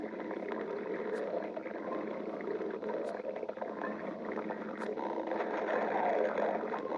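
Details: Stomach growling: continuous low bubbling, gurgling rumbles with a few short squeaky pops, ordinary borborygmi from gas and fluid moving through the gut.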